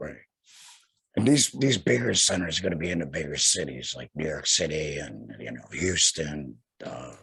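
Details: Man who had a total laryngectomy in 2020 and speaks without a larynx; alaryngeal speech after total laryngectomy.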